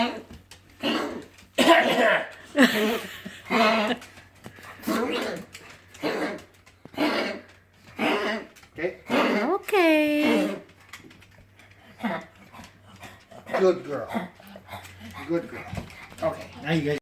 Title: Coughing in pug